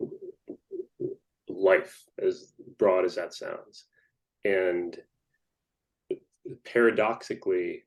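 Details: Stuttering in an adult man who stutters.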